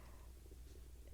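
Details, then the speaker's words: Adult's stomach rumbling while speaking, attributed to an aging digestive tract: faint, low gurgling rumble; ordinary bowel sounds. "You might be able to hear my stomach rumbling. I'm not sure what's going on. I can hear it, so I apologize if you're hearing it. So anyway, it's just my digestive tract is aging, just like I am."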